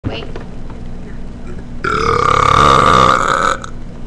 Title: my brother burping